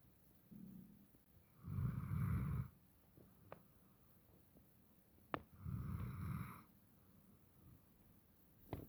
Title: Cute doggie snores #shorts #stella